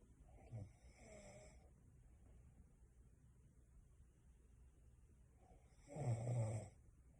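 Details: Partner snoring: two low, rumbling snores about five seconds apart, with quiet breathing between them.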